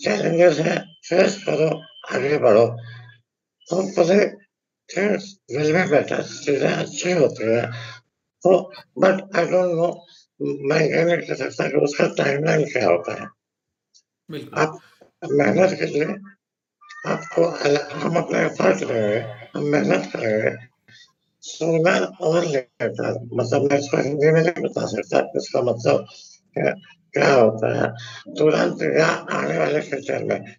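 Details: Adult male, pre-treatment recording before voice therapy: dysphonia from left unilateral vocal fold paralysis after neck cancer treatment and partial tongue removal.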